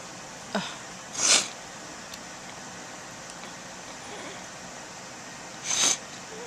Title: A few sneezes (with false start towards the end)